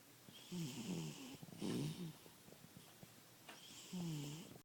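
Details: Cat snoring really loudly in sleep; repeated snores with a whistling, squeaky tone on each breath, about three breaths: snoring.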